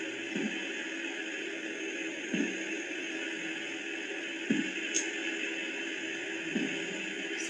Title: Korotkoff Sounds during BP ( Blood Pressure) measurement by Auscultatory Method.